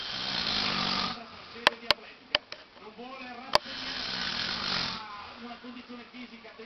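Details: Adult man who fell asleep while watching an Olympic race walk on television: two long, rough, rattling breaths a few seconds apart, with TV commentary and clicks in the background; snoring.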